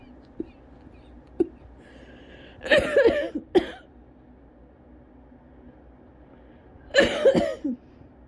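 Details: Adult with cough variant asthma in a harsh, dry coughing fit at home after about 40 minutes of running outdoors in cold air, still coughing after using an inhaler; feeling lightheaded.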